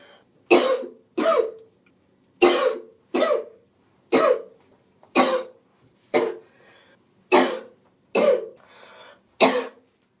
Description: woman sick with a cold has a relentless cough.